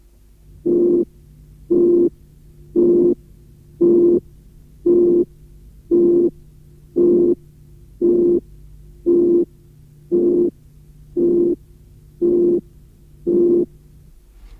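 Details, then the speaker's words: Simulated musical murmur: a frequency band centred around 360 Hz with a pure 360 Hz tone superimposed, reinforcing that frequency to give a musical quality; audio from a 1981 cardiac auscultation teaching course. "Si l’on superpose les fréquences — si je superpose à la bande centrée autour de 360 Hz une note pure de 360 Hz — je renforce la fréquence de 360 Hz et le souffle acquiert une qualité musicale."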